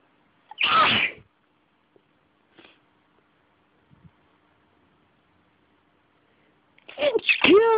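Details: Sneezing fit.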